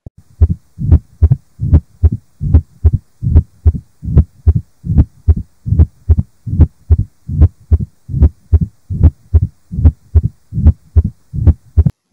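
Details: Sound-enhanced teaching recording, with actual loudness possibly slightly lower. Regular heartbeat near 74 a minute with a low rumbling murmur between beats: mitral stenosis murmur.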